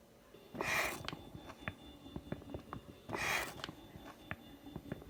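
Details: Homemade mechanical ventilator prototype, running 60 hours straight, last 10 hours on a battery pack: two airy whooshing breaths about 2.5 seconds apart, roughly 24 a minute, with mechanical clicks between: ventilator cycling.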